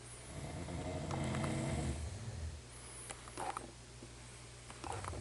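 A low, rumbling inhaled snore followed by softer breath noise, with background hum.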